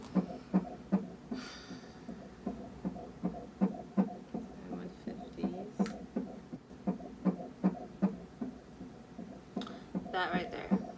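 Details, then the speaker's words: Fast, regular whooshing beats at about 155 a minute with room noise: a fetal heartbeat heard at the mother's first pregnancy ultrasound. "you know I went to my first ultrasound and I heard my baby let's have a moment of silence for my baby's heartbeat"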